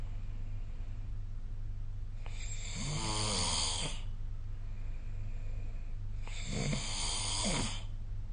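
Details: Snoring during sleep, recorded with the SnoreLab phone app.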